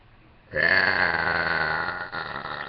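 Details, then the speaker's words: A person's single long, loud, drawn-out burp of about two seconds with a brief tail, after taking small sips of soda. Ordinary belching. "All right, so here's my burp. Oh, I have soda here."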